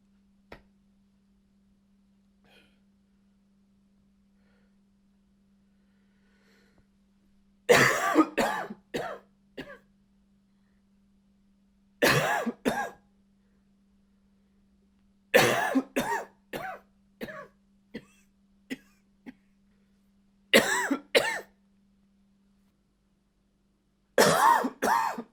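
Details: Acted dry cough with a slight bark, in short fits of clustered bursts separated by quiet pauses; dry barking cough.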